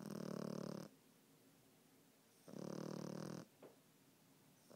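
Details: Snoring: two loud, rough, rattling snores about 1.5 seconds apart, each followed by a quiet pause, with a faint snort after the second.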